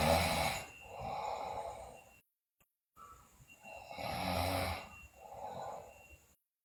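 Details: Loud rasping breaths with a fluttering noisy quality on breathing in, from a sleeping girl also described with bruxism and delirium; snoring.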